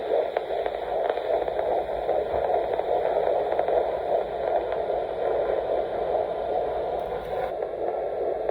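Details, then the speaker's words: Fetal heartbeat on Doppler at a 13–14 week prenatal visit in a first pregnancy: steady whooshing static with a faint rapid pulsing. "so if I can my husband took a little video and I'll insert like a little a little clip of it because the is the most precious thing ever and it's so exciting to just know that you know your baby's in there and their hearts doing good and so far so good from what I hear"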